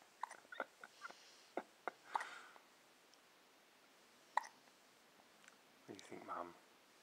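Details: Hiccups after feeding, which happen on occasion: several short, sharp hiccups at irregular intervals in a quiet room, with brief voice sounds near the end.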